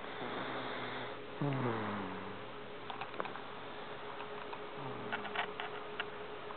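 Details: Sleeping baby snoring: two soft, low, falling snore-like breath noises over steady background hiss.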